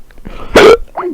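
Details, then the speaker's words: A single sharp, voiced hiccup with a brief squeak amid faint room sound, from a person hiccuping repeatedly and unable to stop during a Skype call. "Oh, I got the hiccups, Kenny."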